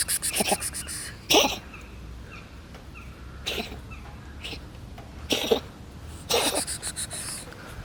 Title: Cute black cat coughs